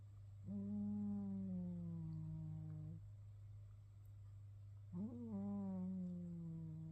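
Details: A cat snores: two long, drawn-out humming breaths, each about two and a half seconds, over a steady low room hum.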